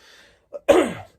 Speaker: and apologies for the potential smoker's cough noises, but doesn't that look good?